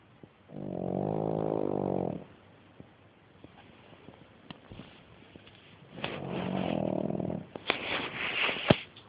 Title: Pug Layla snoring